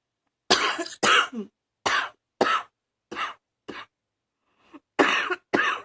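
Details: Cough from a person who is still coughing, attributed to allergies.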